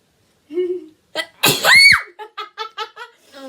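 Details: A short voiced intake, then a sharp explosive burst rising in pitch, followed by several quick giggly voiced breaths: a single sneeze by a girl, induced by a Covid-19 nasal swab test.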